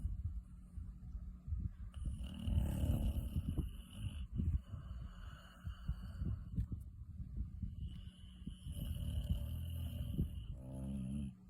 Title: Chubster Dog, sleeping with her eyes open, and snoring like a pig, like the lovely weirdo she is